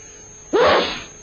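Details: A single loud, explosive sneeze with a rising voiced onset, a staged demonstration from a 1945 public-health educational film on careless sneezing, soundtrack with steady hiss.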